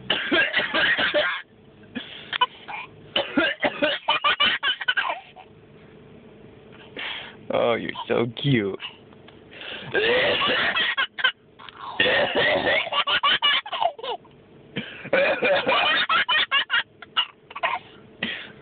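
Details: Repeated bursts of adult coughing, broken up by the adult's young son laughing between the fits.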